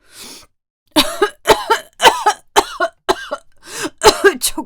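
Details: Acted coughing fit by an adult female voice actress: a soft breath, then a run of about nine short, voiced coughs in quick succession, portraying someone feeling ill with headache and trouble breathing.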